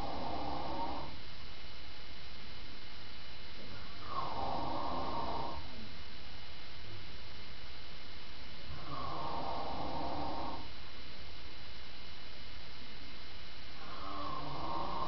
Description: my dad snoring